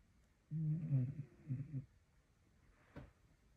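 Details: Staffordshire Bull Terrier dog snoring loudly while asleep, sounding like a chainsaw; snoring.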